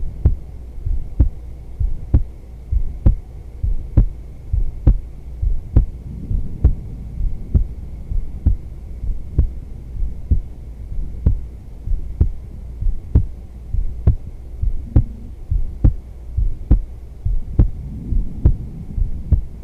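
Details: Adult woman's heartbeat recorded for ASMR during yoga: steady, regular, about 67 beats a minute, a normal resting rhythm, with faint clothing rustling and breathing.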